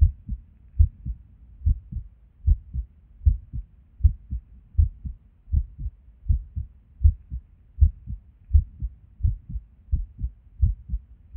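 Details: Resting heartbeat recorded at Erb's point while sitting at a desk: low sounds about 78 a minute, uneven spacing, occasional pauses; irregular heartbeat with skipped beats, with and without reason.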